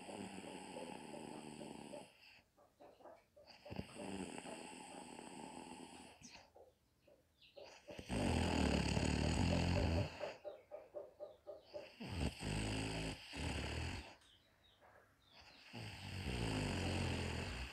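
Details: Mother napping in the daytime: loud, rough, rattling snores alternating with quiet pauses in a regular sleep rhythm, roughly 15 breaths a minute.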